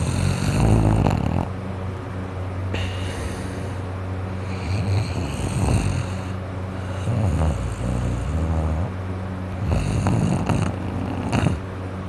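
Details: Person with a cold, nose and throat very congested, asleep: loud, rough, low snoring with snorting, fluttering breaths through blocked nose in irregular cycles; snoring with nasal congestion.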